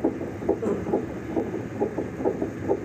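Rapid, regular whooshing pulses from a fetal monitor, about 138 a minute: a fetal heartbeat.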